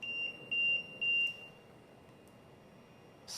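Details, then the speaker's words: Three short high-pitched beeps about half a second apart, then quiet, from an LTV1200 ventilator during a BiPAP noninvasive positive pressure ventilation setup demonstration; the alarm was triggered by a settings/mode change. "mode and continue I'm gonna switch this back just so it doesn't alarm"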